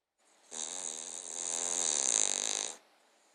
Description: Our King Charles Cavalier -Dexter snoring and dreaming